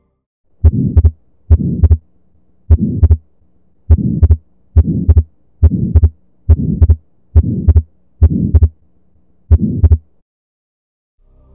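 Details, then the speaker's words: Patient with new-onset atrial fibrillation, real heart sounds about 69/min: paired heart sounds with a soft ejection systolic murmur, atrial septal defect. "Gomme karabo ye e nepagetšego ke Sefoa sa septal ya atrial."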